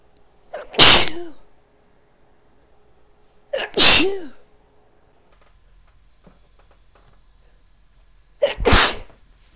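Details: Woman sneezing from snuff: three sharp, explosive sneezes a few seconds apart in a quiet room.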